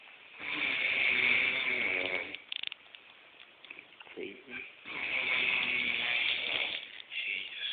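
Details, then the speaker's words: Sleeping male snoring very loudly, recorded on a smartphone: two long, rough, rattling snores of about two seconds each with a quieter pause between; muffled, thin sound. "He's snoring so loud."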